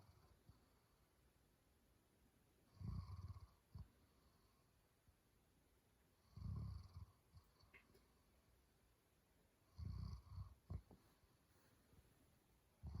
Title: German Shepherd Snoring